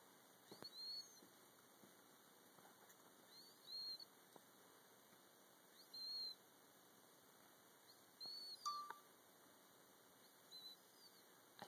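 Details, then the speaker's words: Sleeping cat's whistling snore: a short high whistle with each breath, about 25 a minute, over steady room hum. "didn't know cats could snore. I didn't know cats could whistle."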